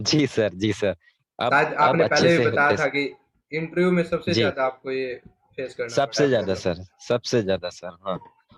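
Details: Adult male speaker; normal adult male speech.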